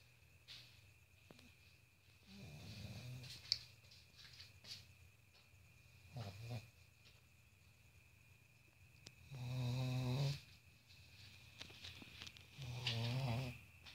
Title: Cute snoring pug